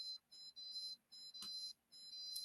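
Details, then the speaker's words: Repeated high-pitched electronic tones in short bursts with brief gaps from a Dolphin Neurostim electrical point stimulator, signalling an acupuncture point found before treatment with the big black button. "I need to see this light go off, and I need to hear the tone. So once I find the point, then I'm going to push the big black button."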